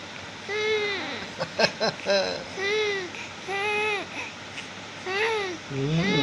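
Repeated rising-falling wails of about half a second each, with a soothing adult voice between them: an infant crying.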